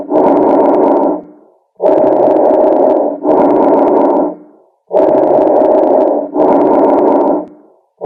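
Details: Bronchovesicular breath sounds, a normal lung sound: medium-pitched breathing with inhalation and exhalation of equal length, about 20 breaths a minute; heard over the whole lung, best over the upper third.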